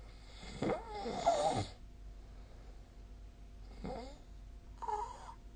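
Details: Snoring during sleep, recorded 2024/12/15 with the SnoreLab snoring app.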